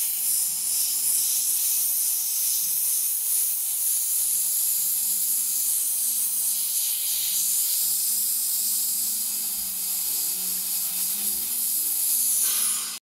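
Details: Demonstration on a tea-stained mug, not a patient: an Air-Flow polishing device spraying water, compressed air and fine powder, a steady high-pitched hiss for about twelve seconds, then stopping.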